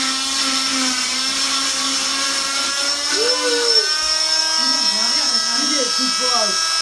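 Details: Steady high motor whine of a cast saw cutting through a plaster cast during a mother's cast removal, with voices over it.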